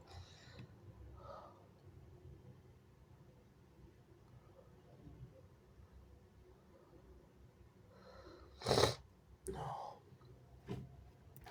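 Quiet breathing and a soft catch, then a loud wet sneeze followed by a second sneeze and a sniff, in a quiet room.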